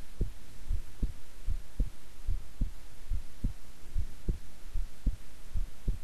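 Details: Person's own heart sounds recorded at length while keeping still and relaxed: steady paired lub-dub thumps at about 75 beats a minute over a low hum, no extra sounds between beats; normal.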